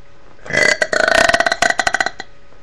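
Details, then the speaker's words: A long, loud, rattling voluntary burp lasting under two seconds, made on purpose: ordinary belching. "Sorry, that was a weird one, but okay. Wait. Okay, I'll do a few more."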